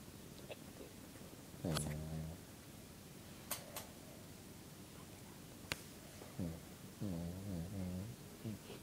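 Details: A dog makes several low, droning snores in uneven bursts, some with a faint whiny tone, over quiet room noise: snoring.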